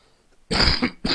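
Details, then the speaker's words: Harsh adult cough followed by a second, cut-off cough; the person says the cough is on the chest and will not go away. "laughter excuse me coughing people but I don't know if you can hear it on my chest but it just will not go"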